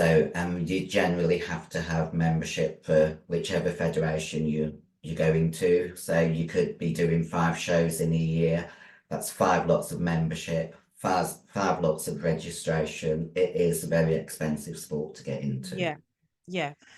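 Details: 56-year-old female bodybuilder with androgen-induced voice deepening (virilized voice) after large doses of anabolic/male steroids. Her formerly high-pitched voice is now very deep and she can no longer sing. She also has chronic kidney disease and past liver damage.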